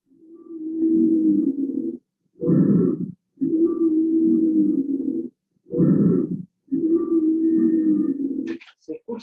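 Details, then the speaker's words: Whistling wheeze heard in expiration on a simulator, representing more severe airway obstruction, as in an asthmatic patient or asthma crisis. "Ahora vamos a ver lo mismo, pero con una obstrucción más importante que corresponde a la sibilancia. Esto es lo que van a escuchar en un paciente asmático o crisis."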